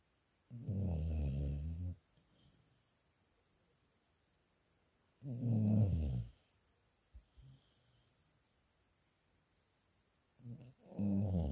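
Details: Deep, low rumbling snores on the in-breath, several seconds apart, with faint whistly out-breaths between; snoring.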